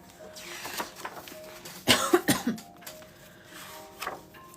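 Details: A short burst of two or three dry coughs over faint background music, from a pregnant woman with a persistent cough she describes as one of her pregnancy symptoms, recorded during a live stream.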